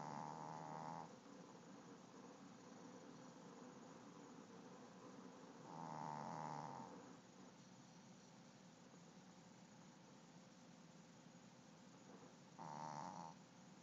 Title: My dog snores loud